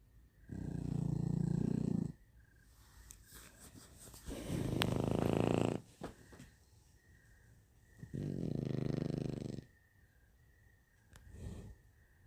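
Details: Three loud rattling snores, about one every four seconds, with quiet breaths between, from a sleeping young shar pei puppy: snoring.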